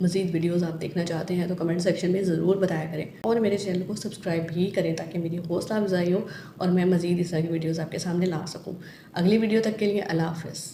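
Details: Adult woman speaking; unaffected speech.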